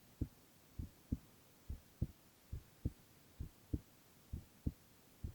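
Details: Male ASMR recording of heart sounds only, no talking: steady paired lub-dub beats at about 67 a minute over a faint hum, no extra sounds; normal heart sounds.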